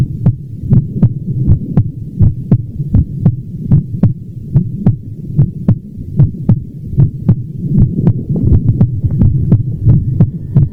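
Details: Heart sounds: regular low thumping heartbeats at about 80 beats per minute over a steady low hum.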